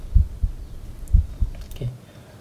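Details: Normal heart sounds auscultated with the stethoscope over the tricuspid, pulmonary and aortic areas during a student's cardiovascular examination of a volunteer with no pain: regular low double beats, about 60–70/min, no murmur.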